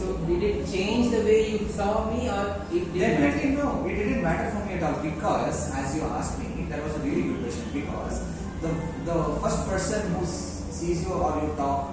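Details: Adult speaker; fluent speech.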